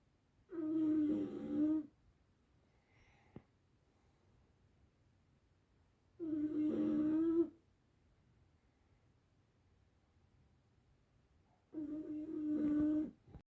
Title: Milo as a pup snoring his head off.